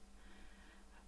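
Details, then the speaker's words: Sleeping child being babysat, faint low snoring rumble in a quiet room. "I'm babysitting again, and he's snoring."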